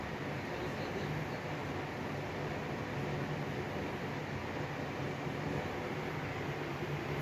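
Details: Oral vibrator giving vibration as sensory stimulation at the start of oral placement therapy for speech unclearness, oral sensory problems and swallowing difficulty, steady low buzzing hum.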